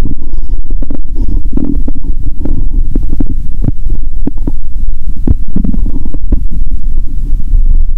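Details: Stomach growling and hunger noises after over 15 hours without eating, recorded before a Coke and Mentos challenge; bowel sounds.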